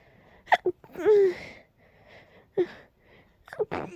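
Several short, sharp bursts of air, with a drawn-out voiced one among them, in a quiet room; a run of sneezes.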